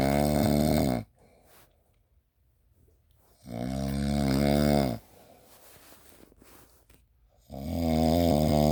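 Loud, rumbling, voiced snores on each breath in, separated by quiet breathing out; about two snores in under nine seconds, then a third beginning.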